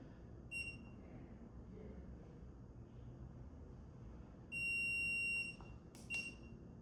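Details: Short high beeps and a steady tone about a second long from a dental curing light during orthodontic indirect bracket bonding, light swept around the tooth and then cured from the occlusal, over faint room noise; curing light beep.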